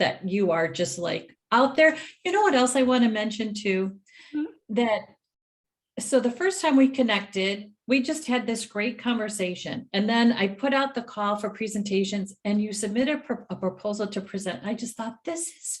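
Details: Adult woman speaking; typical speech.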